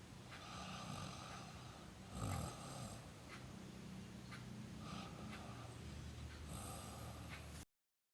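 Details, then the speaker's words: Person snoring during sleep: low, rough rumbling breaths repeating every few seconds over a noisy background; snoring. "mudah emosi juga menjadi salah satu komplikasi seseorang yang mempunyai kebiasaan mendengkur saat tidur"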